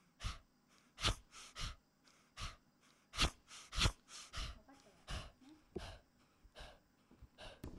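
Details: 15-year-old, 4.4-kg male Chihuahua with persistent cough a month after tracheal surgery (extraluminal prosthesis, permanent tracheostomy): rapid, harsh, noisy breaths from laryngeal paralysis and collapse, with dynamic pharyngeal narrowing on expiration.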